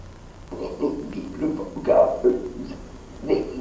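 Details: Woman with fairly typical moderate to severe spasmodic dysphonia, neurologic in origin, probably basal ganglia; strained, strangled voice with words chopped by vocal cord spasms; spasmodic dysphonia.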